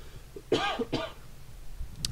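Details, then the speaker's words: Two short, dry cough bursts from an adult who says they keep coughing, with faint room noise between them. "so i keep coughing so if you hear that I apologize"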